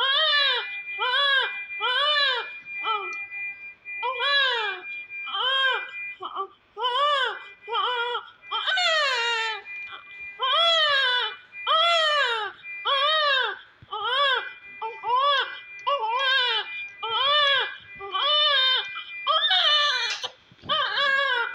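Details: Newborn in hospital (Bettiah, Bihar) just after birth: loud, rhythmic, high-pitched wails, roughly 50 a minute, with short breaths between them, a vigorous newborn cry.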